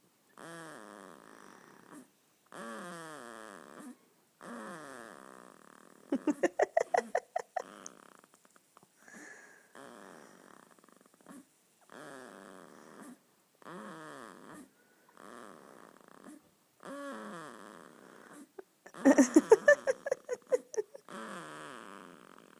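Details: 2-week-old baby boy snoring in sleep: repeated rattly, squeaky breath noises with a couple of louder crackling bursts; infant snoring.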